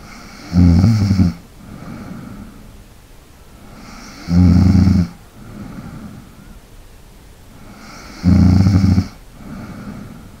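Three loud, rattling snores on the in-breath, about 15 a minute, each followed by a quiet out-breath; steady snoring.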